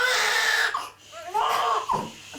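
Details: Newborn just delivered by emergency ventouse to a 17-year-old mother: high-pitched, strong wailing cries with brief pauses, a vigorous newborn cry.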